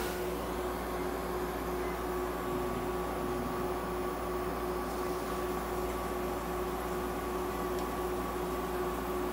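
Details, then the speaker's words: Veterinary ICU incubator giving warmed, humidified oxygen therapy to a budgerigar under treatment: steady mechanical hum, constant low tone and soft airflow hiss. "はい、接戦インコのみーちゃんの治療の様子です。 ICU 内で酸素療法を行っています"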